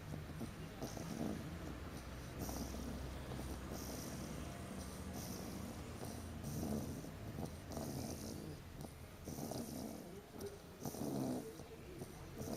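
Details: Sleeping puppy snoring in a car crate after a long day at puppy class: continuous low rumbling breathing with rough snorts roughly every two seconds over room noise.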